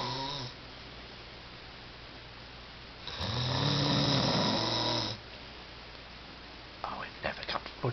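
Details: A sleeping male snoring loudly: a single loud, rough, rattling snore lasting about two seconds between quiet stretches, with faint noises toward the end.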